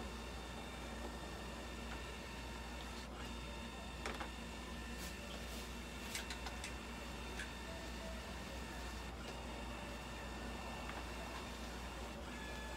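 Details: Toy poodle at a veterinary clinic during blood pressure and ECG measurement: steady mechanical whirring with faint clicks as the electrocardiograph prints a tracing.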